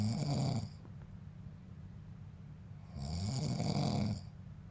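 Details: Adult man (father) secretly recorded by his son while asleep; he snores daily: deep, rattling in-breath snores, two over nearly five seconds, with a steady low room hum.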